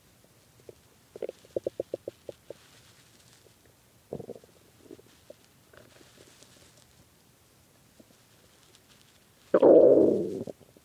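Quick series of small gurgling pops, scattered bubbles, then a loud drawn-out growl: hunger stomach growling, a normal gut sound.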